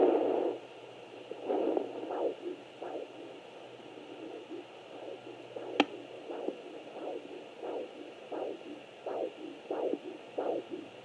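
Regular whooshing pulses through a fetal Doppler, a normal fetal heartbeat amid hiss and static.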